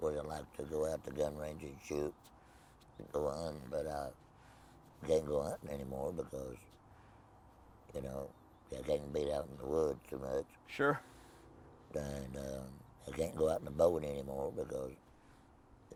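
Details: Tracheoesophageal speech in an adult man after laryngectomy for laryngeal cancer with no voice box, speaking with a Provox voice prosthesis.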